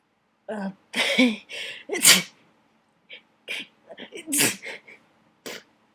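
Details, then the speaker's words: Sneezing fit brought on by a dusty attic: a run of several loud, explosive sneezes with sharp bursts and short gasps between, getting messy fast. "oh dear this is this is getting really messy really faster"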